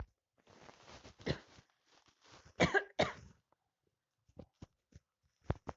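A few harsh cough bursts with throat clearing, then short quieter coughs, in a quiet room; a cough during a cold.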